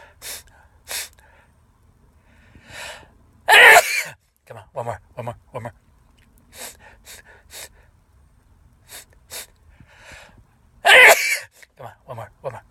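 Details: Person sneezing repeatedly, up to six in a row: two loud explosive sneezes among quick breaths, sniffs and short vocal sounds.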